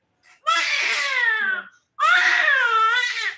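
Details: A 3-month-old baby girl gives two long, loud, high-pitched, strained wailing cries during ear piercing; a pain cry.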